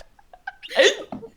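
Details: A sudden, sharp voiced gulp with small breathy catches, recorded during a tabletop role-playing session; others call it the worst hiccups and think she may be doing it on purpose. Hiccup.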